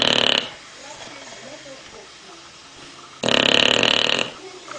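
Two harsh, buzzy breath sounds a few seconds apart, separated by quiet breathing: snoring in a sleeping dog.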